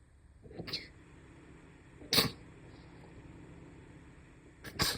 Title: sneeze 51